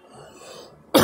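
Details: Single sudden loud cough in a quiet room, cut off at the end.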